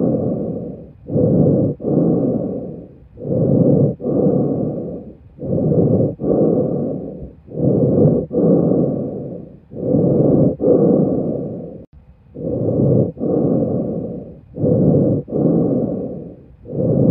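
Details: Breath sounds heard through a stethoscope: steady breath cycles at about 14 a minute, each a smooth rushing inhalation and exhalation with no clear added sounds.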